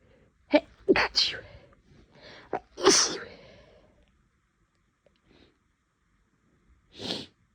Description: My nose was really bothering me the last few days and this fit seemed to never end, so whenever I felt a sneeze coming I hit record.